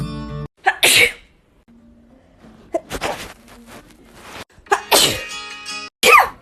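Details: Compilation: several sharp, explosive sneeze bursts, some preceded by a quick in-breath, separated by quiet gaps and faint tonal background sound. Sneezing.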